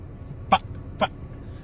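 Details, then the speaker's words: Vocal tic in an adult with Tourette syndrome: two sudden, short voiced throat sounds about half a second apart. "i have tourette syndrome i'm a stand-up comedian here out of the state of texas i spread awareness and educate humans about tourette syndrome with some comedy"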